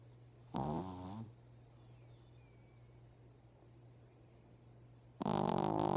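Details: Small male animal snoring while asleep: two loud, rough snores several seconds apart over a steady room hum; surprisingly heavy snoring for his size.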